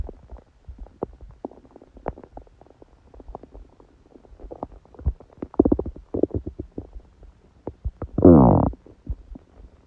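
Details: Stomach growling in a woman during her menstrual period, felt only as dull pain: repeated soft gurgles and clicks with one longer, louder growl near the end.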